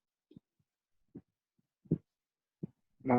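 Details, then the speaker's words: Teaching demonstration of soft heart sounds in which the first sound has two components and the second only one: a split first heart sound. Its main cause is given as presence of a fourth heart sound. "Estos serían un primer ruido desdoblado. ¿Sí escuchan cómo el primer ruido tiene dos componentes y el segundo solo uno?"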